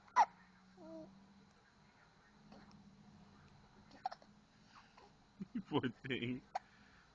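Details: A little girl with a bad case of the hiccups: a sharp, abrupt hiccup, then soft vocal noises and brief catches of breath.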